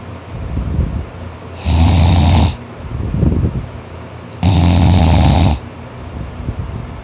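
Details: Boy asleep after a tiring day of extra-hard work, snoring non-stop; he notes he snores louder when tired. Loud, harsh, rasping, sawing snores on each in-breath, about 20 a minute; heavy snoring.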